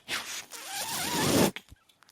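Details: Noise of a person's own mechanical ventilator during speech: a brief rasping rush of air with a thin whistle, then soft clicks, one ventilator cycle.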